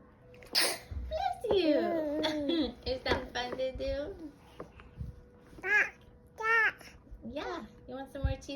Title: Baby sneeze & learning to talk!